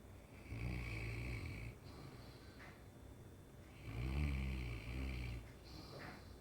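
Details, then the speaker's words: Deep, rumbling snores in two long breath cycles, about 20 breaths a minute, from Hankers, a Mastiff dog napping; snoring. "Hankers? Are you snoring?"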